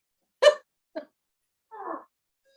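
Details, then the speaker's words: Patient simulator mannequin producing simulated vomiting: three abrupt, throaty retching bursts ending in a longer gurgling heave. "all right guys anything else he's making throw up noises now"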